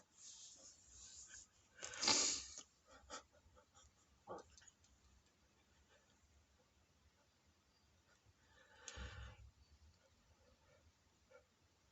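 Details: A comedian's loud, dramatic sneezing in Japan: one loud, explosive sneeze, then softer noises and a second burst, in a quiet room.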